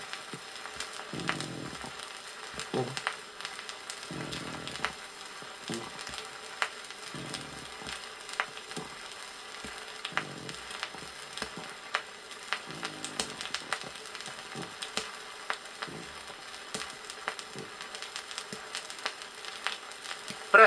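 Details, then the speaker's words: Rough, grating creaks recurring with inspiration and expiration over heavy crackle, from a 1961 USSR teaching record on pleurisy: a coarse pleural friction rub, the main sign of dry pleurisy. "прослушайте нежный шум трения плевры прослушайте грубый шум трения плевры"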